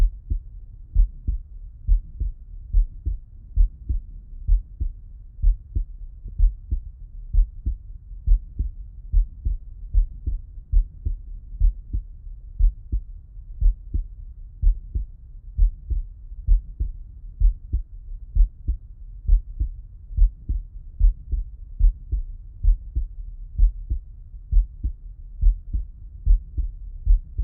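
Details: Stethoscope auscultation of a person lying on the left side: steady paired low heart thumps at about 65 a minute, with normal first and second sounds. Normal heart sounds.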